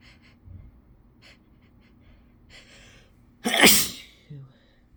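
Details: Self-induced sneeze, deliberately let out freely: soft breathy intakes, then one loud explosive sneeze with a brief voiced sound after.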